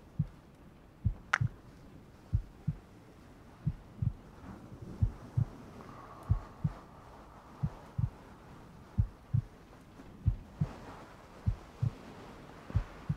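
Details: Heartbeat sound in a furry ASMR cuddle roleplay with rain ambience: soft, steady paired thumps at about 70 beats a minute under faint rain; normal heartbeat.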